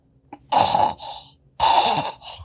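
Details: Simulated snoring: two harsh, hissing breaths through a narrowed throat, imitating airway obstruction from the tongue falling back with mouth open, as in snoring and sleep apnea.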